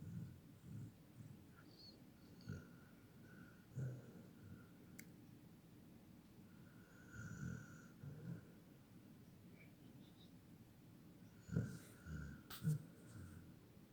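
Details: Soft, irregular low snorts and snores over quiet room noise: ordinary snoring in a sleeping dog, sounding much like a person.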